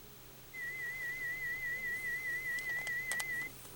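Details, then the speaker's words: Pure-tone audiometry threshold testing at 2000 Hz: FM warble tones through headphones to the right ear, presented with up-5/down-10 bracketing until the patient responds; threshold found at 30 dB HL. "okay the next frequency that I'll test then would be 2,000 Hertz and starting at"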